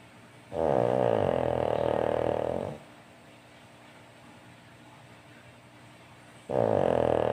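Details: Two long, loud, rumbling snores about six seconds apart with quiet breathing between; a steady snoring pattern during sleep.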